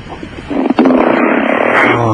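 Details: Loud, harsh rattling snore on a long breath from a woman, played over a phone line to a radio show, muffled and distorted; heavy snoring.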